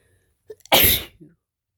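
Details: Big sneeze from a male who just got over one cold, feels he may be coming down with another and has felt tickly all day: a quick in-breath, then one loud, explosive, hissing burst.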